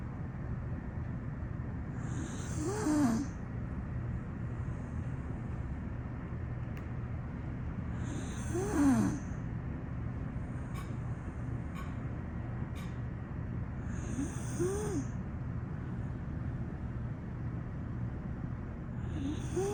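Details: A sleeping "pocket pittie" dog snores softly and regularly, about ten snores a minute over a steady low background hum.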